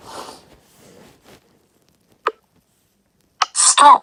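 Soft breathy sounds lead into a brief catch, then a sharp explosive burst near the end, fitting a single sneeze.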